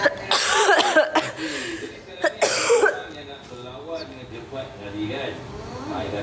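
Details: Bad cough: a few harsh, forceful coughs in quick bursts, then quieter talking and room noise.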